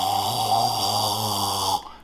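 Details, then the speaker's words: Adult with severe sleep apnea using a nasal-only CPAP mask imitates mouth leak: a steady, rough, roaring exhale as machine air enters the nose and escapes through the open mouth. "そこで鼻専用のマスクをもらいましたが、寝ている時に口を開けたらどうなるのでしょう。機械が送り込む空気が鼻から入って口から出てきます。ドラゴンのように見えます。音がします。"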